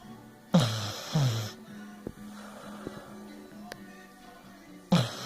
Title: Sport snoring